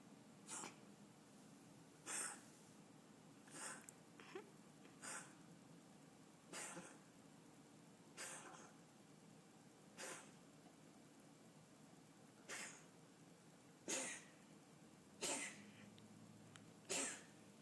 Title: Leopold Wheezing/Coughing (Feline Asthma Attack)